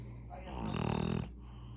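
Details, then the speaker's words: A single loud, rumbling snore on one breath from a sleeping, comfortable pet pug, a small flat-faced dog; snoring. "even snoring you hear that did you hear that that's the loudest snore for a small ugly face"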